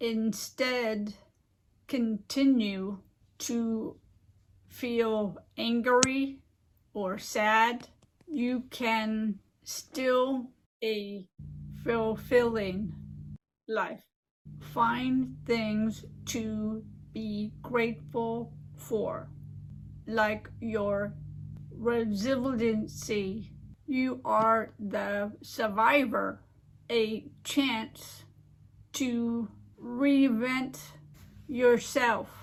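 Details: Adult woman with aphasia and apraxia of speech after a stroke 15 years ago, speaking in a recorded presentation; aphasia with apraxia of speech.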